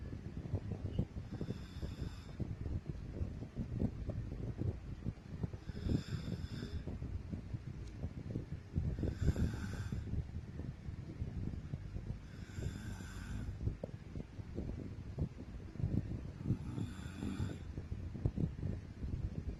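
Soft, low snores about every four seconds, roughly 15 a minute, over steady room rumble.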